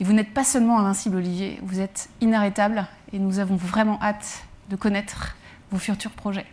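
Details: Adult woman speaking French; normal speech.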